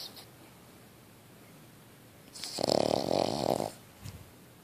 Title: Snoring Cavalier King Charles Spaniel